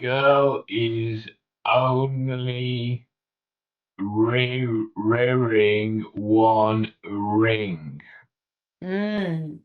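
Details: 65-year-old male with Broca's aphasia in a real tele speech therapy session on word retrieval; non-fluent, effortful speech with word-finding difficulty; Broca's aphasia.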